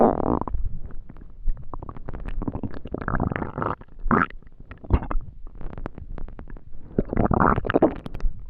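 Low gurgling, bubbling rumbles with squelchy bursts come and go throughout, typical of hunger-related stomach rumbling (borborygmi).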